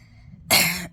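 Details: A single short, harsh cough from an adult with COVID-19, their second infection, now with heavy congestion and severe cold- and flu-like symptoms; cough.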